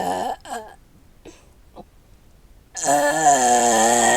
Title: Me Burping copyright new intro WTF (funny family original)😗